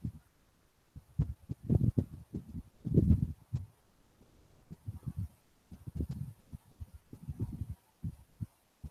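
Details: Recorded mitral stenosis heart sound played in a cardiology teaching seminar.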